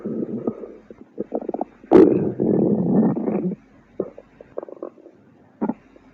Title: Angry Juice Stomach Growling for the 2nd time!